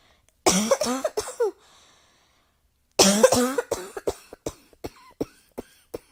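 A short bout of three or four coughs, a pause, then a longer run of about a dozen coughs fading in strength; repeated coughing.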